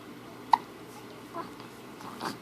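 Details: Infant with hiccups: one sharp hiccup followed by softer hiccup-like sounds in a quiet room.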